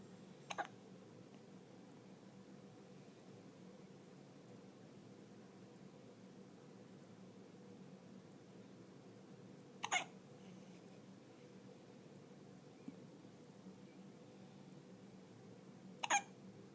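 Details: Newborn less than 24 hours old: three brief, sharp hiccups spaced several seconds apart, about 10 a minute, in a quiet room; hiccups.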